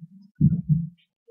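A faint low hum, then two deep, dull thumps close together: a single lub-dub heart cycle. It is a normal heartbeat, the first and second heart sounds of one beat.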